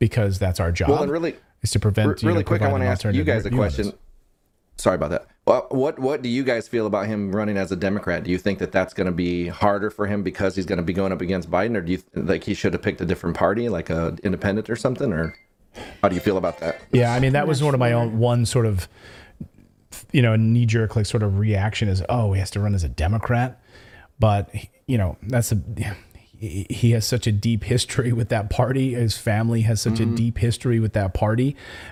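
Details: Adult man with spasmodic dysphonia, involuntary contraction of the voice muscles causing a distorted voice.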